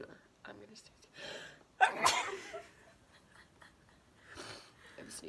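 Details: One loud, sharp sneeze burst with background chatter before and after; a sneeze.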